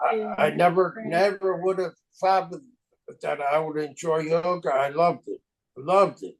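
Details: Aphasia from stroke in an adult male, 25 years after the stroke; chronic post-stroke aphasia.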